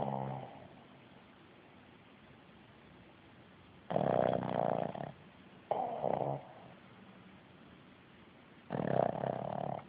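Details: Dog snoring in bed again: three loud, rough, rattling snores about two to three seconds apart, each lasting about a second, over quiet room noise.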